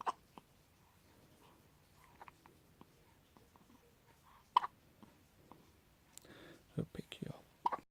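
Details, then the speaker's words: Baby girl with hiccups: soft, brief gasping clicks at irregular intervals in a quiet room with faint whispering; infant hiccups. "Oh, you got the hiccups. You got the hiccups. Oh, oh, oh, oh my goodness. Hiccups, hiccups, hiccups."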